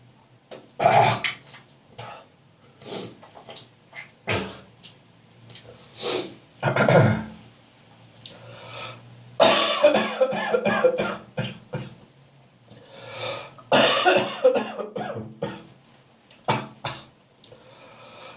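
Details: Person in the morning with phlegm building up in an autumn/winter chesty cough: repeated harsh, wet coughs, throat clearing, gagging and spitting; productive cough with throat clearing.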